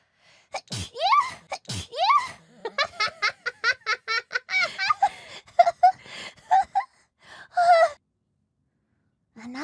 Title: sneeze in 7 hours